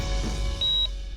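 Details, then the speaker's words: Acted reenactment: after repeated defibrillator shocks during resuscitation, a single high-pitched heart monitor beep over low rumble as doctors detect a heartbeat. "THEN THE DOCTORS HEARD A HEARTBEAT."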